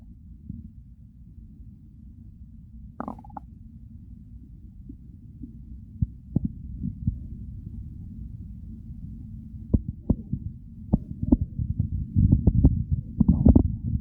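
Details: Real stomach growls recorded during hunger, part of a hunger-to-overfull digestive recording; low gurgling rumbles with scattered pops and clicks, getting busier toward the end; bowel sounds (borborygmi).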